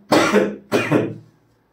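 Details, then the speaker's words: Brief dry cough from a speaker who is unwell and coughing intermittently while talking: two quick, harsh cough bursts in close succession. "Okay चला आता थोडी तब्येत ठीक नाही समजून घ्या खोकला येतो मध्ये हा लक्ष द्या"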